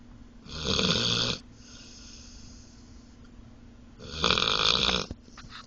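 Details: Dunkin snoring while asleep in the car after a long day: two loud, rough snoring breaths about three seconds apart, with quiet breathing between them.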